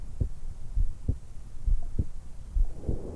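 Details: A 20-year-old woman just after waking, lying on her back in bed, with a stethoscope microphone at the notch at the base of the throat. Regular low heartbeat about 67/min, with breath noise rising near the end; normal heart sounds.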